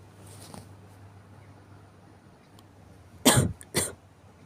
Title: 咳で目覚める morning cough